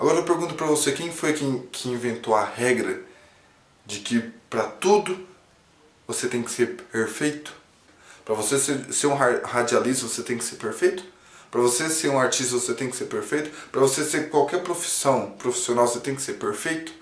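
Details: Male who stutters since childhood, treated by a speech therapist and a psychologist: stuttering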